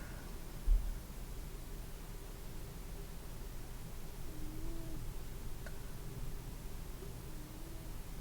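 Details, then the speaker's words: Normal bowel sounds through a stethoscope on an adult male model's abdomen, starting at the right lower quadrant over the ileocecal valve. Sounds are heard immediately on placement during a nurse's ASMR abdominal exam. "okay foreign which means you're probably hungry we're just normal in this case right like the moment I placed the stethoscope I heard vowel sounds right away"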